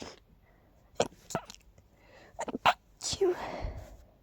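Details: Several short sharp sneeze bursts followed by a louder final sneeze from a person whose nose is tickly and stuffy all the time during pollen season; allergic sneezing.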